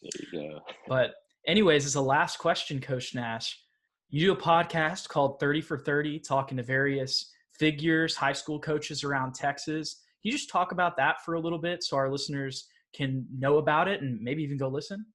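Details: Adult male interviewer; normal speech.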